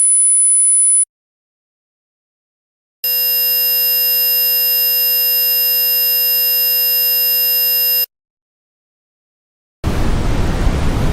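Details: Simulated tinnitus: a high-pitched ringing tone, then a steady buzzing hum, then a hissing noise, imitating what tinnitus sounds like.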